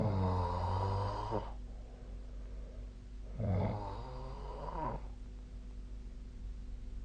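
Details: Snoring during sleep: two long, low, rattling snores in about seven seconds, separated by quiet breathing, with steady room hum.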